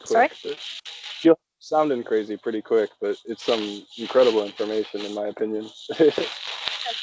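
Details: Adult male speaker; normal speech.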